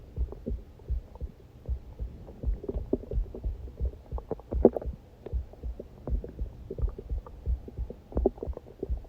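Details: Regular, fairly steady heartbeat thumps at about 86 a minute, mixed with gurgling stomach rumbles from a hungry person; normal heartbeat with stomach growling.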